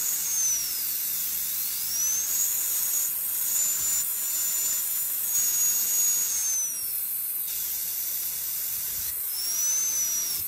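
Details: Steady high-pitched whine rising and falling in pitch as the bur engages: a high-speed dental drill in a Class II interproximal cavity preparation, extending the proximal box gingivally until the contact breaks by less than 0.5 mm.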